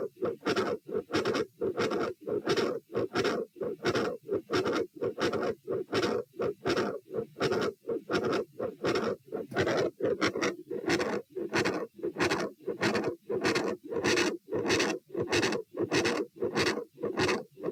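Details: Heart auscultation at position A during a posture stress test (lie, sit, stand, sit, lie; 84-90-102-84 bpm): steady stethoscope beats near 90/min with a mid-systolic extra sound, murmur at S2 and split S2.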